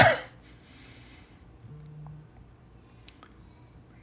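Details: Older adult's single short, sharp, deliberately produced cough recorded for iPhone sound-recognition cough logging, followed by quiet room sound and a faint tone; he has had prolonged coughing, previously during COVID-19.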